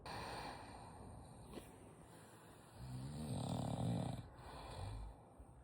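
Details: Shih-poo dog snoring: soft low rumbling breath sounds over quiet room noise.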